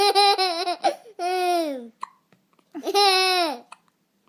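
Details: A baby boy who had been laughing for a while: quick jerky voiced hiccup bursts and brief sharp catches between long laughing or cooing sounds.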